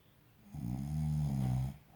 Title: snoring